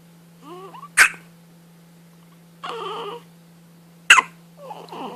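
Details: Baby's first hiccups: two sharp, abrupt hiccup bursts about three seconds apart, with soft whimpering vocal sounds between them.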